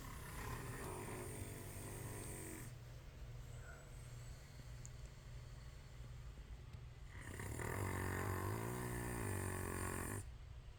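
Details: Soft snoring: two long, low rumbling breaths with a quiet pause between, over a steady background hum.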